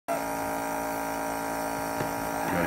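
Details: Steady mechanical hum and buzz of a nebulizer compressor running in a small room while a patient with SMA type 1 receives chest percussion therapy to break up lung secretions, followed by suction and cough assist.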